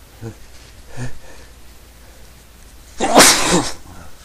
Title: Sneezing 10